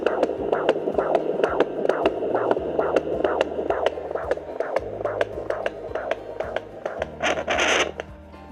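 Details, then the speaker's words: Fetal heartbeat found with a home fetal Doppler on the pregnant belly: rapid, regular whooshing pulses at about 133 a minute, a normal fetal heartbeat. "oh it's close [Music] found it sound is really amazing listen to this"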